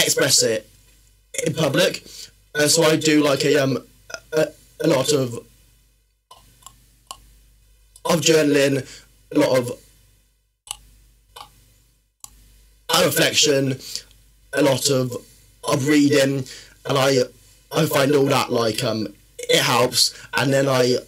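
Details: Man, a personal trainer and former army medic, with a stammer since childhood that worsens when he is tired, stressed or nervous; stuttering.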